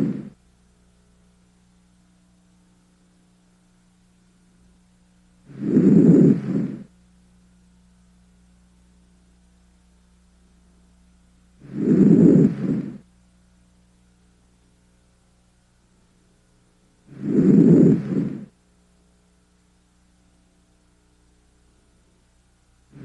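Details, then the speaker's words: Normal breath sounds: three deep breaths heard through a stethoscope on the anterior chest during lung auscultation, soft and clear without added sounds. "note any added sounds if you hear heart sounds near the heart try to ignore them while you concentrate on the breath sounds"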